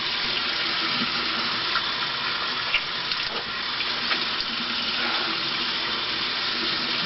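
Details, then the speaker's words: Steady rushing water with faint splashes as a person flushes the nasal cavity with warm water from a baby bulb syringe, mouth open, attributing symptoms to inhaled toxic gas; nasal irrigation. "I open my mouth to like give my ears a you know a relief of pressure so they don't pop and it allows the water to get further up in my nostal cavity nasel cavity"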